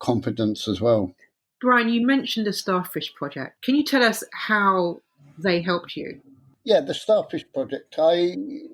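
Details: Two adults in conversation, interviewer and respondent; conversational speech.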